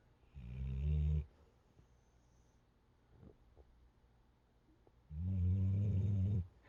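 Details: Dog in deep sleep, exhausted after a weekend of running and training: two deep, rumbling snores several seconds apart with quiet breathing between; ordinary dog snoring.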